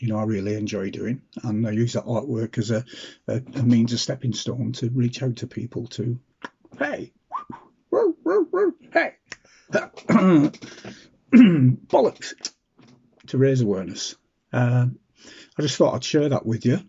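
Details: Vocal tics ("hey" interjections) in an adult man with Tourette syndrome with vocal and motor tics, who also has essential tremor that he says sometimes affects his voice.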